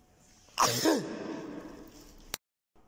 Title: #39 Sneeze Sounds Effect_Sneeze Male Sound Effects All Sounds_Sneeze Sounds Effect